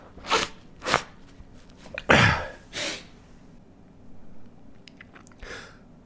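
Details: Adult's deliberately induced sneeze, triggered by inserting stiff paper into the nostril: sharp sniffs and breaths building to one forceful sneeze burst, then quieter nasal sounds.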